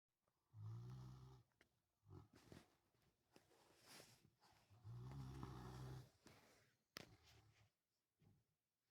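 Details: Pally, a dog, asleep and snoring: two loud, low, rumbling snores with quieter snuffling breaths between, about 14 breaths a minute.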